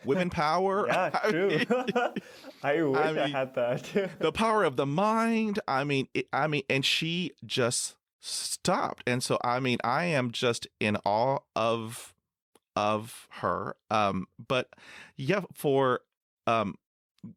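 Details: Adult male who has stuttered since about age 3 to 3.5, with blocks; stuttering.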